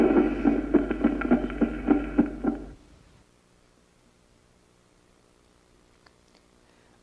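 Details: Late systolic click.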